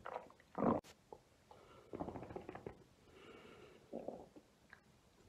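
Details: ASMR recording of an adult's abdomen: irregular gurgling and deep, low rumbling bursts, typical of ordinary bowel sounds (borborygmi).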